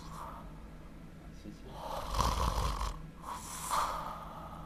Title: 扁桃腺肥大合併打鼾-睡眠呼吸中止症,TONSIL HYPERTROPHY WITH SNORING AND OSAS)